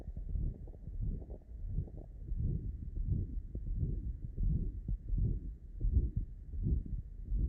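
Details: Tricuspid regurgitation murmur.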